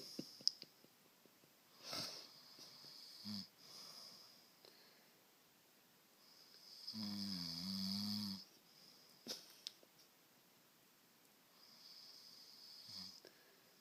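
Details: Husband snoring during sleep: one loud, rough snore on inhalation among quieter breaths and soft room noise.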